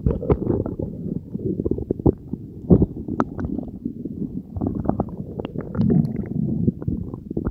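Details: Continuous loud gurgling, bubbling and popping from the belly after Diet Coke and Mentos were swallowed together, recorded as ASMR; active bowel sounds (borborygmi) of digestion.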